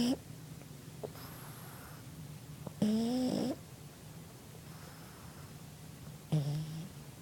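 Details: Ruby snoring: irregular low rumbling snores with squeaky, whistling nasal sounds on some breaths, in a quiet room.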